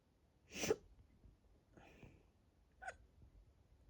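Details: Hiccups induced by drinking lots of water; the bloated, tight stomach makes them quieter, and they are hurting the chest and throat. A sharp burst followed by two softer catches in a quiet room.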